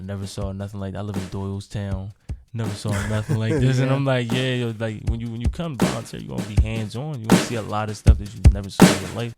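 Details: Adult male speaker; Normal voice.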